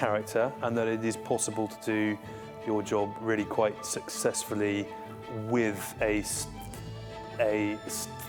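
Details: Adult civil servant in defence who has a stammer; stammering.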